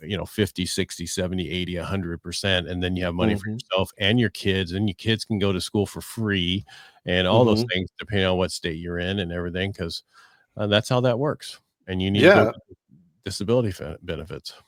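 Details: Adult male speaker; typical speech.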